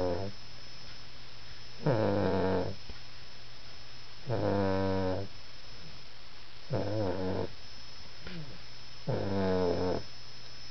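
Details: Snoring: regular rattling snores about one every two and a half seconds, around 24 a minute, over a steady background hum.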